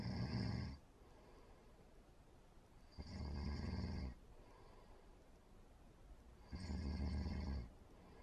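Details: Three loud, low, rough rumbling breaths about every three seconds, roughly 18 a minute, with quiet spells between; steady snoring.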